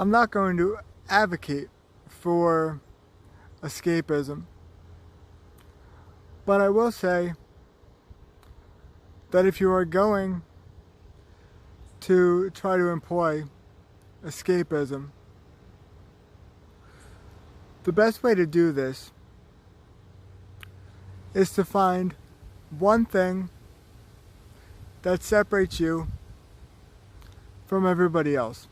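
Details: Man with cerebral palsy, chronic pain and falls; slow, halting speech with long pauses between short phrases, with cerebral palsy.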